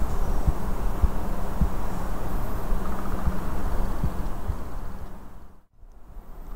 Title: Objective pulsatile tinnitus